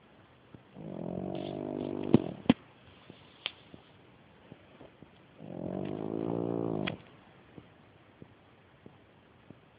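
Two long, loud, rattling snores on the in-breath, with quiet pauses and a few soft clicks between, from a small flat-faced dog.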